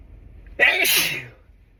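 A single sudden, forceful but muffled burst of air through a held-back mouth and nose; a stifled sneeze.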